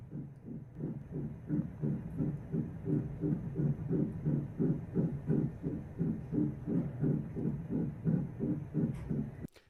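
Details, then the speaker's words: Rapid, regular whooshing pulses at about 170 to 180 per minute: the heartbeat of an eight-week fetus in the womb, heard on Doppler. "sound is my eight-week-old baby's heartbeat in the womb it's got a heartbeat sounds very human very human heartbeat"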